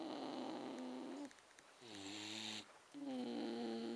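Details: Ben, a Staffordshire Bull Terrier, snoring: repeated snorting, rattling snores on each breath with a steady hum behind them.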